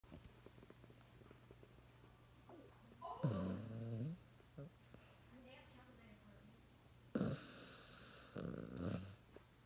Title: Snoring rat terrier like a human~^^